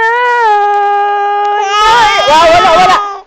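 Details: Filipino baby crying on hearing a song being sung: a long, steady, high-pitched wail that turns into a wavering, breaking cry: infant crying.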